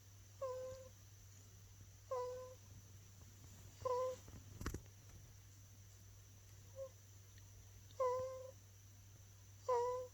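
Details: Baby snoring during sleep: short, soft, high-pitched whistling squeaks on breaths, about six in ten seconds, over a low steady hum; light infant snoring.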